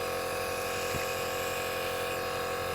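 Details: Omron NE-C101 compressor nebulizer with mouthpiece and tubing attached, switched on; bought after a 2-year-old child's first episode of coughing and breathlessness: steady, loud mechanical buzzing hum running continuously.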